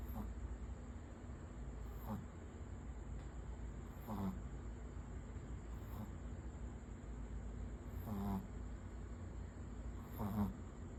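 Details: Soft rhythmic snoring from a sleeping Shih Tzu puppy, a snort roughly every two seconds, about 30 breaths a minute, over steady room hum; snoring.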